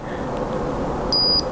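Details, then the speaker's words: A single short high-pitched electronic beep over room noise from a Microdot Pro glucometer signalling error 4, demonstrated by applying blood before the blood-drop symbol appears. "which is as you uh plug in your test strip, you don't wait for the blood draw the blood diagram to pop up and you collect your sample too quick."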